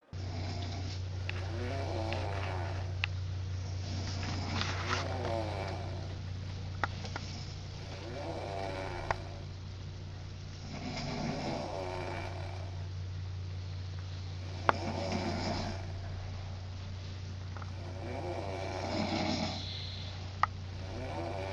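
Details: Person snoring during a friendly snoring contest: rough snoring breaths every 3 to 4 seconds, about 16 a minute, over a steady low hum; snoring.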